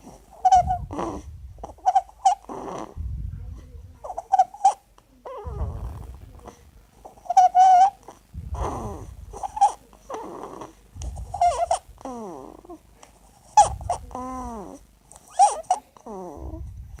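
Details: A sleeping child with stridor: noisy breathing with high-pitched squeaking and harsh, grunting sounds on each breath.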